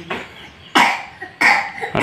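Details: Cough from a child sick with a cough and cold: three sharp, loose coughs in a row.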